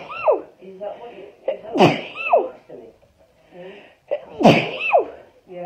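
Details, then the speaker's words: Girl sneezing during a Covid-19 nasal swab test: two sharp sneezes, each with a brief breath in beforehand, among soft vocal sounds; swab-induced sneezing. "She just sneezed."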